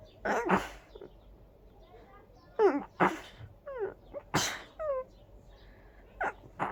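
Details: Big, desperate sneezing fit from very itchy sneezes: several forceful sneezes in quick succession, with pitched breaths, small sighs and laughter between them.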